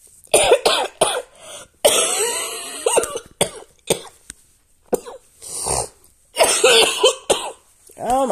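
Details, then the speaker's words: Adult with asthma, allergies and past bronchitis; cough intensifying after fever and chills, attributed to asthma: repeated harsh bursts, about ten coughs in eight seconds; persistent asthmatic cough. "god as you can hear i'm still not good um since i'm coughing like that that's what i'm talking about"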